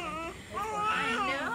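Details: Strong, high-pitched wailing cry of a newborn boy just after delivery, heard as he is called a handsome boy; a vigorous normal newborn cry.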